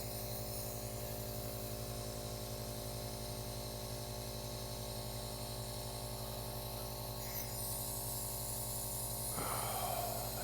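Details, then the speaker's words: Nebulizer running during a demonstration of its use: steady motor buzz and hum with a hissing spray of vapor that grows louder near the end. "let's fire up this little guy and you'll immediately see that a a steam or a vapor comes out of the machine itself"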